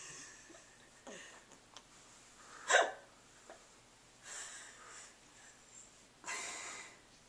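Short, abrupt catching sounds of breath, one sharper than the rest, between soft breaths; hiccups.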